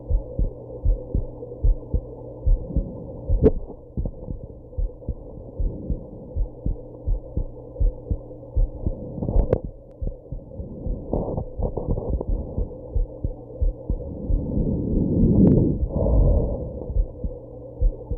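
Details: Heartbeat after drinking alcohol and smoking, with hiccups: muffled heartbeat about 75 a minute under a steady hum, with sudden sharp hiccup jolts interrupting the rhythm; heartbeat with hiccups.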